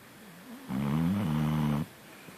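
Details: Sleeping dog snoring: a single loud, voiced, rumbling snore on the in-breath over quiet room noise.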